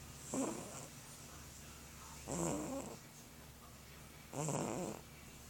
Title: Fat cat snoring